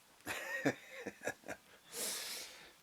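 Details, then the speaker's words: Pug dog snoring in the background: several snorting, rattling breath sounds, then a long airy exhale, with room echo. Snoring. "You can hear my snoring pug back there."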